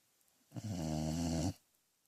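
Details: Sleeping dog snoring: a single one-second, low, buzzing snore against a quiet room.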